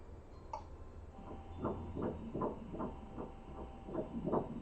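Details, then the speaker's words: Fetal heartbeat on a prenatal ultrasound done by a sonographer: rapid, regular whooshing pulses, measured at 155 beats per minute and called perfect. "And the heart rate? Crazy. It's 155 beats per minute, which is perfect."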